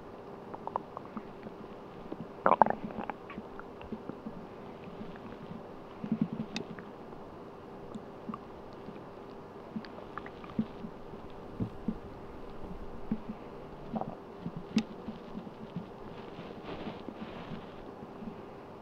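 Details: Bowel sounds (borborygmi) recorded while sleeping on an empty stomach: soft, irregular gurgles and rumbles over a steady low hiss.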